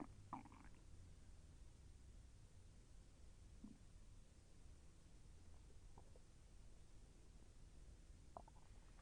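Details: Soft low abdominal gurgles and rumbles with a few brief pops over quiet background, heard during digestion; the person felt the intestine move with slight pain. Bowel sounds (borborygmi).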